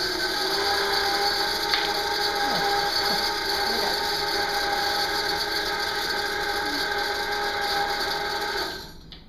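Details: Steady mechanical buzzing whine for about nine seconds, then stopping: an amalgamator shaking a capsule to mix dental amalgam during a dental assistant's demonstration of the amalgam procedure.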